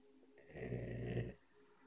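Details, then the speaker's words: Someone sleeping snores once: a low, rattling snore on one breath in a quiet room. Ordinary snoring during sleep. "shevy a snorer everyone's awake"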